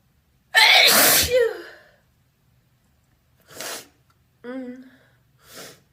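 One loud, wet, open sneeze with a voiced burst, followed by sniffs and a short sigh.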